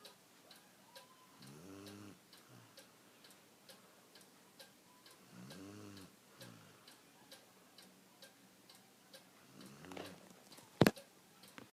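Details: Sleeping dog snoring: soft, low snores roughly every four seconds over a ticking clock in a quiet room, while someone else snoozes.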